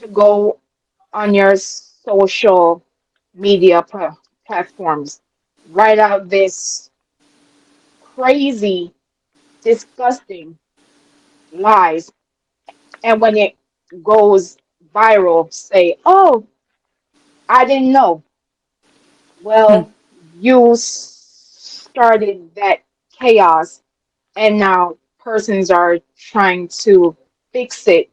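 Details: Adult woman with a self-reported speech impediment she calls a "quote unquote disability" and says listeners can hear; halting, dysfluent speech; speech impediment.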